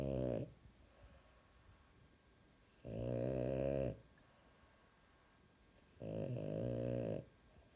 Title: Frenchie snoring LOUD!